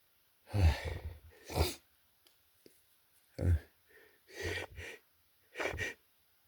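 A series of sharp, explosive bursts with quick intakes of breath between them in a quiet room, a run of about five sneezes.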